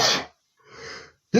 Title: sneezing male #6 (sneezing loudly)